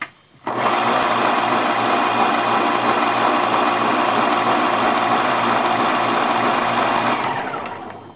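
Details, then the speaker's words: WaterPik hydro flosser, a dental water flosser, running: a loud steady buzzing motor with rapid pulsing for about seven seconds, then winding down. "If that sound was familiar to you, congratulations, you are probably taking very good care of your teeth because this is a device for cleaning your teeth called a WaterPik."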